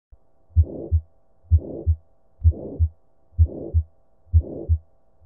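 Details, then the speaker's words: 80-year-old man with shortness of breath and dizziness, real heart sounds: regular beat about 64/min with a harsh crescendo-decrescendo ejection systolic murmur between S1 and S2, aortic stenosis. "Ka fao se e be e le go ngunanguna ga ejection systolic ga aortic stenosis gomme histori e šišiny"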